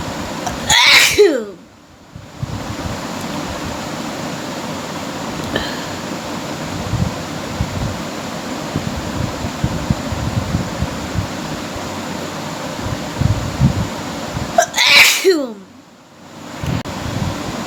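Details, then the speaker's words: Sneezing challenge: a person deliberately sneezing, two loud, sharp sneezes several seconds apart over a steady background hiss. "আজকে হবে sneezing challenge, unlimited sneezing challenge আর কি।"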